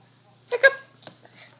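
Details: Young child with hiccups: a sharp, brief voiced catch, then a second fainter one.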